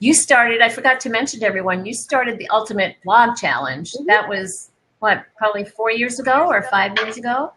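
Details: Adult woman; normal speech.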